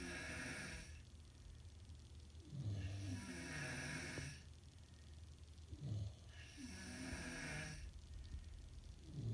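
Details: Snoring: loud rattling snores on each breath in, roughly three cycles in nine seconds, over a steady low hum in the room.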